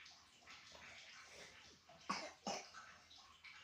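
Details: Two sharp coughs close together over quiet room noise from a young child with cough and flu after playing in the rain, during traditional baby massage; cough during a cold.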